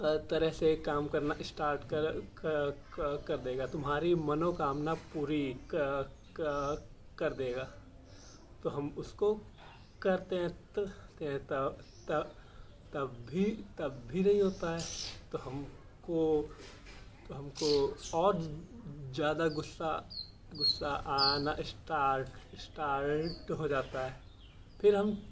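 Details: Adult male speaking Hindi; stammering.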